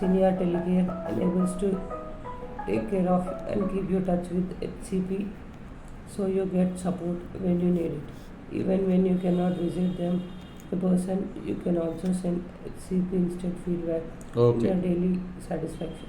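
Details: Young man reading English aloud at a voice assessment; he reports his voice comes out thin (high) when reading, for some days: puberphonia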